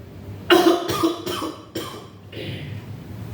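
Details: Volunteer ambulance driver coughing while lying propped up, complaining of exhaustion and a heavy, painful stomach: several harsh coughs in quick succession over a few seconds, with faint room noise.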